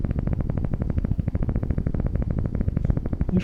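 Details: Needle EMG with a Neuro-MVP-Micro system on a volunteer's arm muscle. The needle is repositioned within the muscle and the volunteer performs a movement after relaxing. Normal motor unit potentials are recorded.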